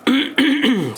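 An adult man gives a quick, voiced throat clearing in three short bursts, in a small room.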